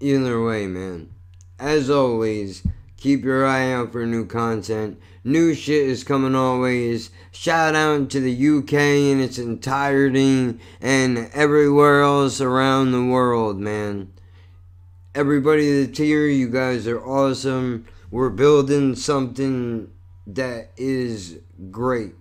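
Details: Adult male with lifelong cerebral palsy and multiple sclerosis, with constantly tight muscles, who says it affects his speech; dysarthria (cerebral palsy).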